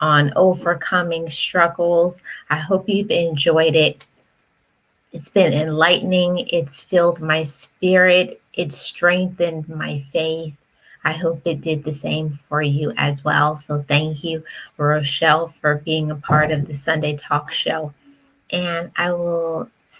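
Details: Adult woman speaking; normal speech.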